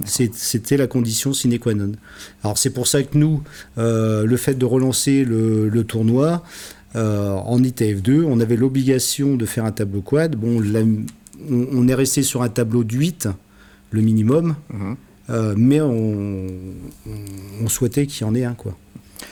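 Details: Adult man speaking French; normal speech.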